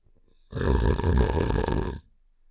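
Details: A single rough, low, rattling snore-like sound about one and a half seconds long; simulated snoring sound effect from the game Save The Shapes (Heart character).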